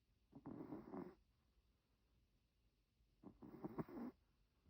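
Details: Chihuahua snoring while asleep: two rough, fluttering breath sounds about three seconds apart, a quiet snore.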